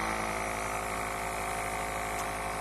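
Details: Steady buzzing hum of a nebulizer compressor running in a small room, on a flat surface, delivering medication by mask to a child during a treatment of about 8 to 10 minutes.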